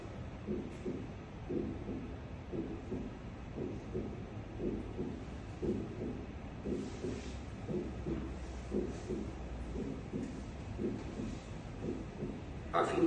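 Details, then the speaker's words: Normal split first heart sound: regular heartbeat near 58 per minute, the first sound split into two close components of roughly equal intensity. "Junto al esternón, el desdoblamiento consiste en un primer componente menos intenso seguido de un segundo componente algo más agudo y de mayor intensidad."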